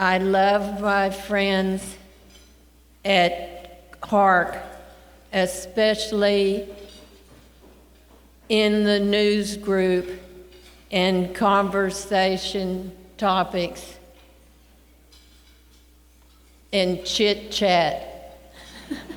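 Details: Woman with primary progressive aphasia, a neurodegenerative disease gradually affecting language and speech (not a stroke), beginning with difficulty thinking of and producing words; attends an aphasia recovery program; she died about five years eight months after onset, aged 80.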